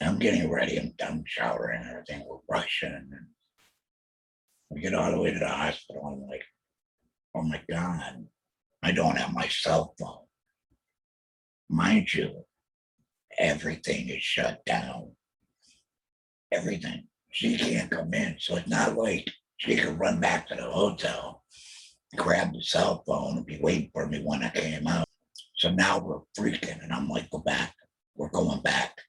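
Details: Alaryngeal (substitute) speech from a male laryngectomee after a 2020 total laryngectomy for laryngeal squamous cell carcinoma, followed by chemotherapy and radiation; he mentions using an electrolarynx.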